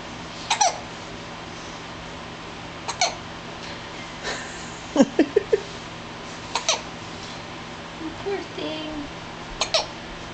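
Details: Baby girl about 4 weeks old with hiccups: short sharp catches of breath every couple of seconds with faint baby sounds between; a barking dog does not stop them.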